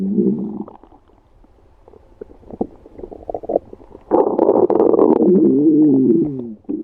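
Low gurgling rumbles and bubbling squeaks rising and falling over several seconds; ordinary stomach growling (borborygmi) from gas and fluid moving through the gut.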